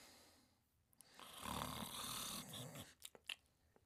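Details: Dog sleeping: a single long, rough, noisy breath followed by a few soft clicks and snuffles; snoring.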